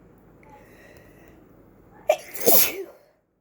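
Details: Person with an oncoming cold and plugged ears sneezes; some sneezes have an odd high pitch. Here a quick indrawn breath, then one sharp, explosive sneeze after a quiet lead-in, a single sneeze.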